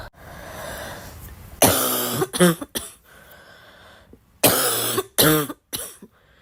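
Repeated harsh coughs with throat clearing and brief voiced catches between them; a plain cough.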